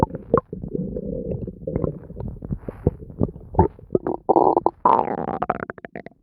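Continuous gurgling, bubbling and rumbling from the abdomen, with squeaky rising tones near the end: active bowel sounds, ordinary stomach growling.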